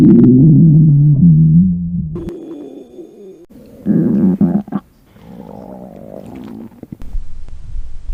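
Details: Long, low gurgling rumbles with shifting pitch, then quieter bubbling gurgles, from a woman going without food until night: hunger stomach growling, a normal bowel sound (borborygmi).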